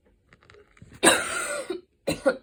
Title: post run cough part 2, includes inhaler usage